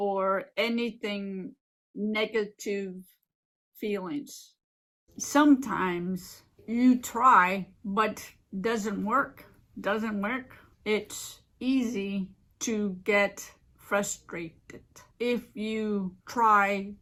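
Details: Adult woman living with aphasia and apraxia since a stroke 15 years ago: aphasia with apraxia of speech.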